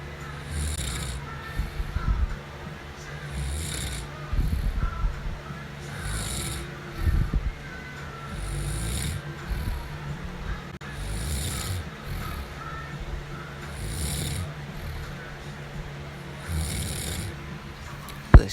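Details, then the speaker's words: Sleeping woman snoring: soft, low rattling snores recurring every few seconds through steady room noise; ordinary snoring. "that ass snoring."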